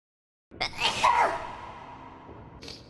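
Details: Female streamer's sneeze with an added reverb effect: a short breath in, then one forceful sneeze with an artificial echo trailing off; sneeze.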